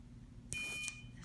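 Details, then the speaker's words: Brief steady high-pitched electrocautery buzz under half a second, sealing a small oozing site during surgical removal of a bump on the head; the bump had been present since childhood and was possibly a lipoma. "Let me just buzz. You're going to hear a buzzing noise. You shouldn't feel anything sharp or uncomfortable."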